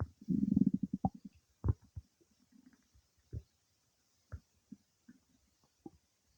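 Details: Some time after eating cake, gurgling, bubbling stomach rumbles come with a longer growl and then scattered pops: ordinary bowel sounds (borborygmi) during digestion.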